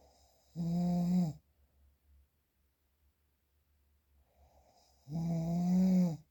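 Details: Real, unprocessed recording: two loud, low, rattling snores about four and a half seconds apart, each under a second long, with quiet breathing between; typical snoring.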